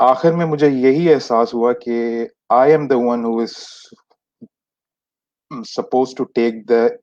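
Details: Stuttering in an adult man who has stammered since age 6; many speech therapies did not help him, and he describes Toastmasters clubs in a session by stammerers for stammerers.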